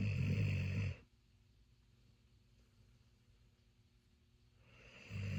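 Deep, low rumbling breaths separated by a quiet pause, fitting snoring.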